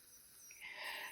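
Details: High-pitched hiss and whine of a water-cooled ultrasonic scaler (Cavitron) starting up during an adult dental cleaning, used to remove plaque and tartar.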